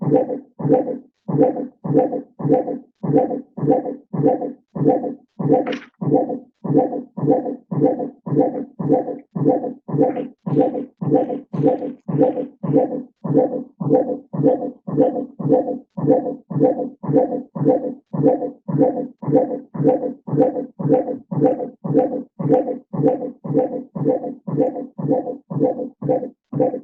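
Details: Intermittent auscultation in labour by Doppler: rhythmic fetal heartbeats, slower at first, recover over the first 20 seconds to a baseline of 158 beats a minute, indicating a deceleration recovering to baseline.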